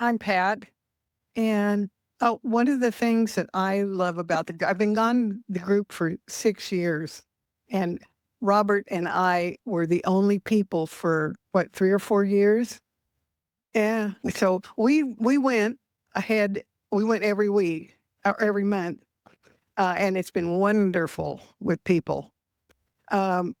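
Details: Stroke survivor with aphasia, in an aphasia support group for six years; finding: aphasia.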